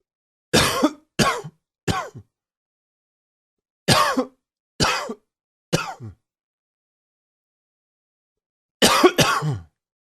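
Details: Throat clearing by an adult who attributes it to seasonal allergies: three quick clusters of about eight short, rough bursts in a quiet room.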